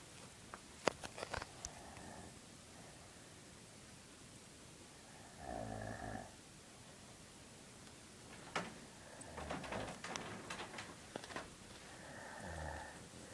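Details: Snoring from the recorder's mother: rough, rattling snores on breaths a few seconds apart, with clicks and room noise between them.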